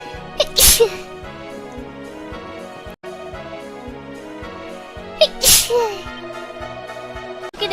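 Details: Sneezing during a live stream: two sharp, explosive sneezes a few seconds apart, each preceded by a short in-breath, over background music.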